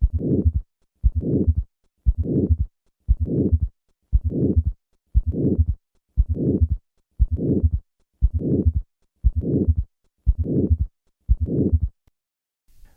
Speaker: listen to a patient with aortic stenosis and both a third and a fourth heart sound i will begin with the fourth heart sound then add the third sound and finally the murmur